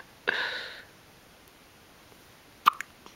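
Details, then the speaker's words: Two-day-old baby with ongoing hiccups: a breathy sound, then a sudden sharp hiccup with a small follow-on catch in a quiet room. "the pain uh-huh you still got the hiccups do you yeah you do"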